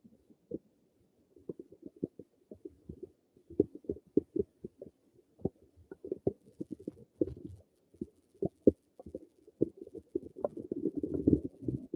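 Frequent irregular low gurgles and pops over twelve seconds, building into a longer rumble near the end: ordinary bowel sounds of stomach rumbling.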